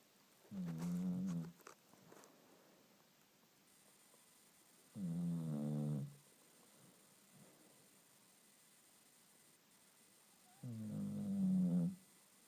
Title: Snores like a human